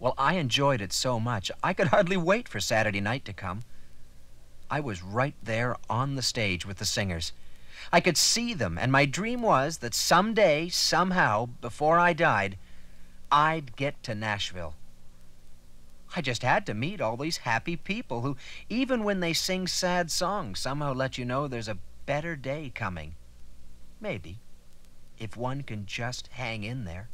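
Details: Adult man; normal speech.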